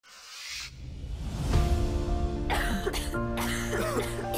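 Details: Cough sound.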